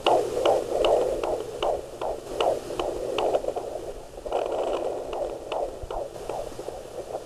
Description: Baby's heart beat on a Doppler Monitor at 15 Weeks.